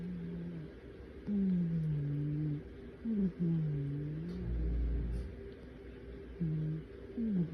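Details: Sleeping cat snoring: repeated low, voiced, groaning snores, each breath drawn out with a rising and falling tone.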